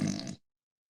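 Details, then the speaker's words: Breathing coach's imitated nasal snore with the mouth closed: a brief low, rattling snort through the nose, illustrating turbulence in the nasopharynx during sleep-disordered breathing. "With your mouth closed, it's pretty much impossible, okay? Okay. Okay. Nasal snoring goes like this."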